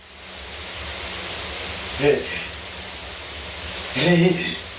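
Two short voiced sneezes about two seconds apart over steady running shower water.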